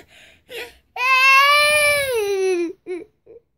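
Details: Female infant crying for attention: short whimpers build into one long, clear, tonal wail, then trail off into small sobs; ordinary infant cry.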